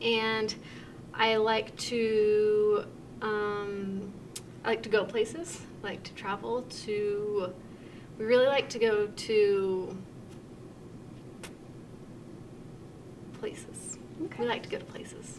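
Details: Demonstration of anomic aphasia, a mild fluent acquired language disorder, in conversation: fluent speech with word-finding errors and filler words; speaker may be aware of the difficulty.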